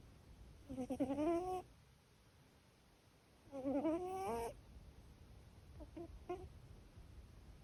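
Two drawn-out squeaky, whistling nasal breaths with a few small squeaks after; a cat's noisy snoring, harmless for this cat.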